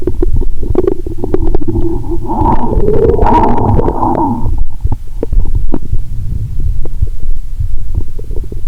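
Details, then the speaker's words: Person lying down after drinking cola with Mentos, stomach at its limit, stethoscope on abdomen: low, continuous gurgling and rumbling with a louder bubbling stretch, a loud moan; active bowel sounds. "you will hear a loud moan👂. My stomach is telling me, "Give me good food, not liquids!"🤔😂."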